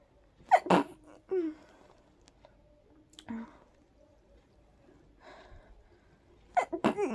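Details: Several soft, breathy, stifled sneezes in quiet, with a short cluster at the end, from a very sleepy person trying to fall asleep; allergy sneezing, probably triggered by pollen.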